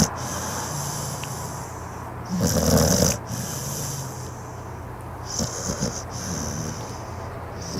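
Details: Pit bull napping on the couch: low, steady snoring with a louder snorting breath in the middle over a hissing room background; snoring.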